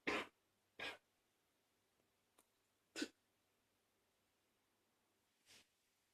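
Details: Congested cough: four short, soft coughs spaced a few seconds apart, slightly wet and congested in quality.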